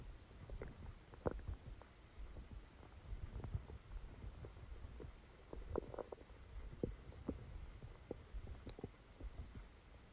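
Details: Steady low rumbling with scattered soft gurgles and clicks over background hiss: active bowel sounds during a stomachache after Christmas dinner, recorded while the person slept.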